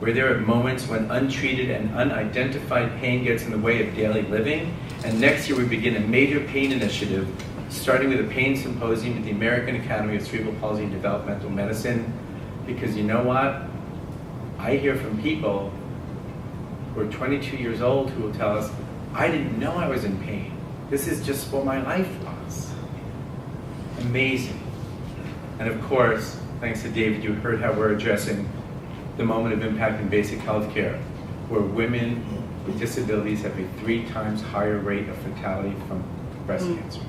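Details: Adult male speaker; typical speech.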